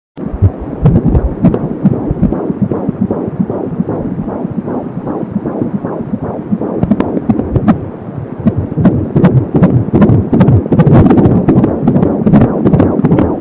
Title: Heartbeat - 20 weeks